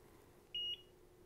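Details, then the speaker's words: Plum IV infusion pump in a pediatric simulation room, switched on after the cassette is inserted: a single short, high electronic power-on beep, about a fifth of a second, before the pump runs its self check. "and it's going to run through a self check so we'll just wait for that"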